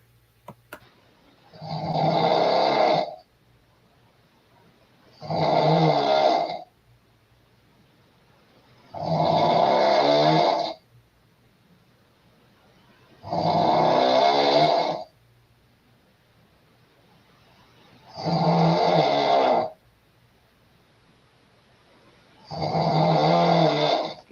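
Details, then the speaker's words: Loud, regular snores from a blonde adult woman lying in bed, six in about 24 seconds, each a rough rattling inhalation with quiet pauses between; snoring. "now this woman standing here with the blonde hair she's going to get in the bed and you're going to hear her snoring right about here"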